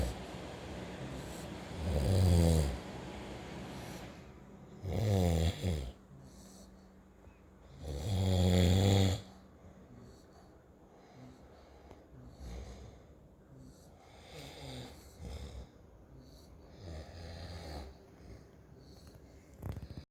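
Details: Loud, deep, rattling snores about every three seconds, then quieter snores, from a 9-week-old Olde English Bulldog puppy and its owner snoring in turn: snoring.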